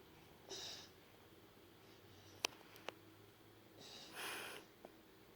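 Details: Infant hiccups: soft sniffing breaths with two sharp, brief catches in the middle, in a quiet room.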